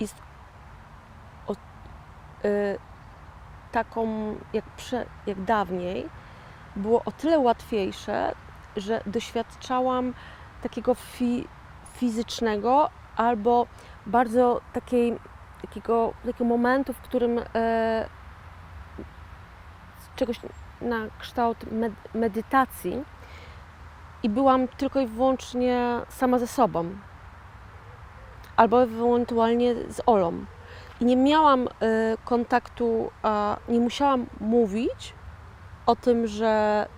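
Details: Post-stroke aphasia in a 41-year-old woman, real (not acted), who had a stroke in 2009 and calls herself a stroke survivor and an "aphasian"; finding: aphasia.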